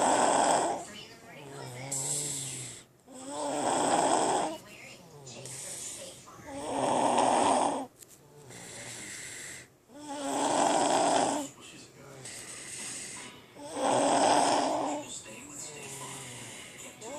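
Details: Loud, regular rattling snores in a child, about 17 breaths a minute, each on the in-breath with a quieter out-breath between; heavy snoring.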